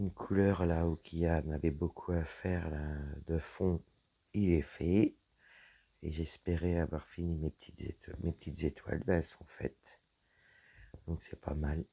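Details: Dysphonia with a low-pitched voice in a woman whose vocal cords were damaged by a serious health problem; her voice is deeper than before, is at times nearly lost, and she cannot speak loudly.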